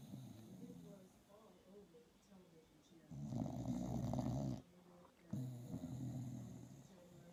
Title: Frank the dog snoring. Really loud! Hilarious!!